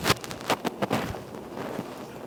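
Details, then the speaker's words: Adult man with diagnosed sleep apnea fitting a ResMed AirSense 11 CPAP with a silicone nasal pillow mask: a few sharp clicks and bumps, then a steady soft hiss of CPAP airflow through the mask. "make sure she's all nice and comfortable do I sound like Darth Vader do I sound like Darth Vader"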